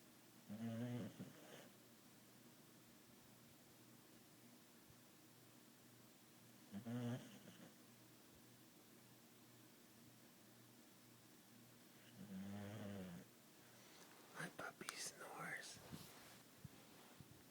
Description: My dog fisher snoring